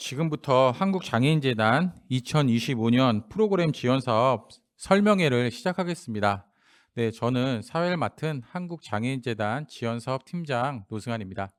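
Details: Adult male speaker; normal speech.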